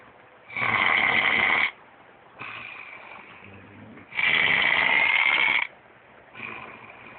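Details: Loud, harsh snores on each breath in, with softer breaths out between, about 17 breaths a minute: snoring.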